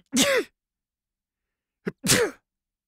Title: Totally Free Sound Effects #2 - Male sneezing - mouth covered & uncovered